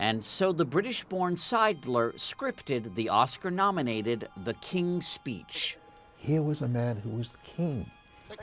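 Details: Adult male narrator; fluent speech.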